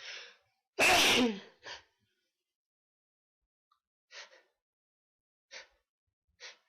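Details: One loud, explosive sneeze preceded by a sharp intake of breath, followed by a few soft sniffs and breaths in a quiet room.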